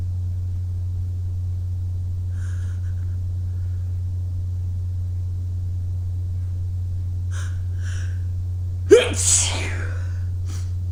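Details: After early-morning running in cold air, quiet breaths, a sharp in-breath, then a single explosive sneeze over steady low hum; an ordinary sneeze.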